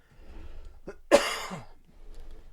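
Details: A single forceful, slightly loose cough after a brief catch of breath from a man he blames on allergies, with chest congestion.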